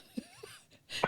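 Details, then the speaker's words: A few faint throaty sounds, then a sharp, noisy burst from an adult podcaster coughing out built-up phlegm that was choking them; a throat-clearing cough. "I had a buildup of phlegm, and I couldn't wait through it. I tried to wait through your intro, and the phlegm started choking me, so I had to fucking cough it out."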